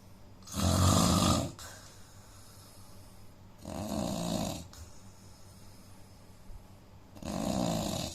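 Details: An Indian man snoring, with a nose problem; snoring.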